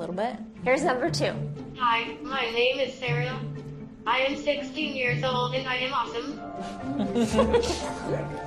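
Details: Speech-generating communication device with a personalized young female voice; Synthetic speech from an AAC device.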